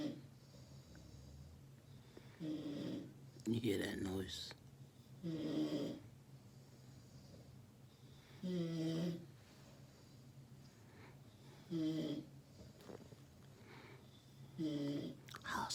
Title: SNORING ROOMMATE { FUNNY } #Shorts